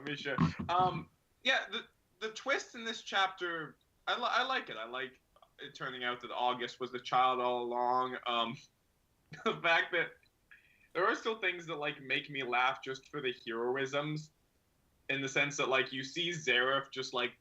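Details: Adult male speaker; normal speech.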